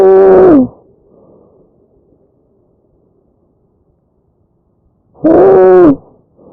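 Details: Tracheal stridor: two loud, harsh, high-pitched musical noises with breaths separated by a quiet gap, a sign of upper airway narrowing.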